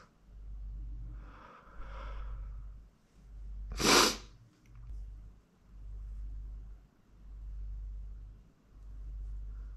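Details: Male close-up sneeze-edging recording: slow, steady breathing with a brief build-up, then one loud, sharp sneeze; sneezing.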